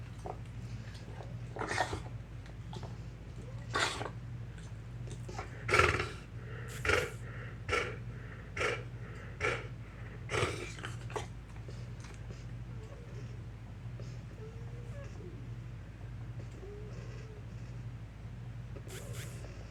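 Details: Pet named Akodo in the morning: a run of harsh, noisy, effortful breaths; wheezing with labored breathing.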